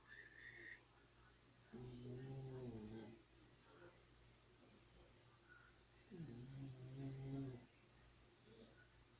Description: Xena the dog is snoring and crazy.